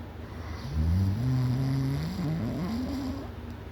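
One long, loud, low rattling snore with a wavering buzzing tone, lasting about three seconds. Heavy snoring.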